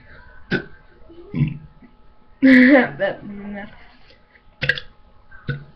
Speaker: i'm gonna do another burp video i've got some of this strange drink i don't know what it is yeah it's called solo original lemonade